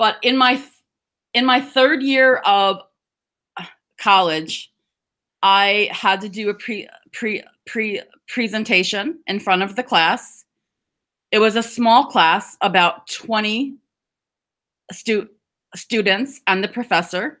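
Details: Adult woman who describes herself as a person who stutters/stammers and serves on the National Stuttering Association board, giving a stuttering awareness talk; stuttering.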